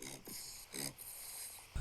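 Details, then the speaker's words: Two short, rough, rasping snorts on breathing in, with a steady hiss between, from a sleeping 8-week-old black Labrador service-dog puppy; human-like snoring. "She snores like a human, and it is the funniest sound."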